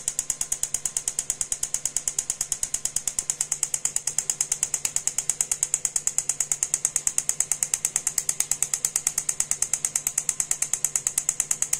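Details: Steady, sharp, rapid clicking pulses at about 67 per minute from an EMTT (extracorporeal magnetic therapy) device pulsing a magnetic field into the body for pain relief, during energy testing.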